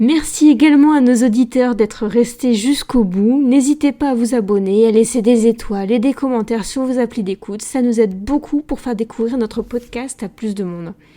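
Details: Adult woman speaking French; Normal speech.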